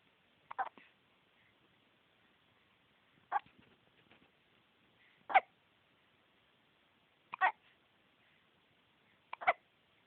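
Five brief sharp hiccup-like sounds roughly every two seconds in a quiet room; hiccups.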